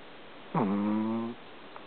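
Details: Single short, buzzy, tonal snore on one breath from a sleeping cat in a quiet room: snoring.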